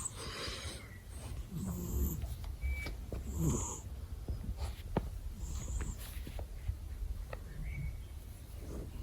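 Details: Low, rumbling, snorting breaths close to the microphone beside the owner's ears, with rustling noise: a fluffy male cat snoring.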